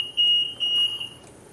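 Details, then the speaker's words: Two loud, high-pitched beeps of the high-pressure alarm on an Infant Star infant ventilator, signalling a problem, with the high-pressure relief valve hissing more actively. "So it's beeping at us, saying, hey, you got a problem here."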